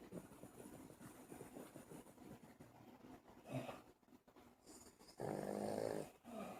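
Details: A newly adopted dog snoring while asleep: soft, irregular snuffling breaths with a louder snort near the end; ordinary snoring.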